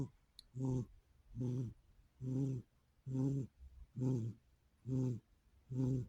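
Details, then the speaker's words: A male cat asleep after playing all night, snoring: soft, regular buzzing snores with short pauses, roughly 70 per minute; harmless. "This is proof the cats snore. He is sacked out hard. He had a rough night playing all night."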